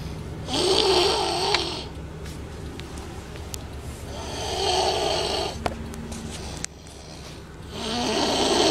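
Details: Loud, rough snores on each breath in, about 16 a minute, with quiet pauses between, in a small room; the snoring reportedly got even louder when music was turned on.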